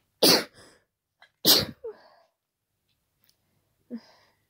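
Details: Two loud, forceful, wet sneezes during an ongoing cold, each followed by a short sniff, then a final quieter intake; too powerful to stifle, described as very snotty and tickly.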